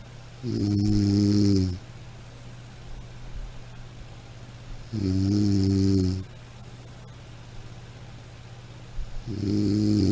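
Three steady, deep, buzzing snores on each in-breath, about 14 a minute, with quiet out-breaths. A sound-effect recording of snoring.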